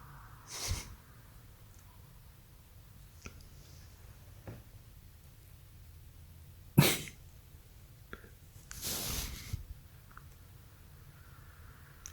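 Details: Two or three short explosive nasal bursts with quiet between, from a French Bulldog; sneezing in a dog.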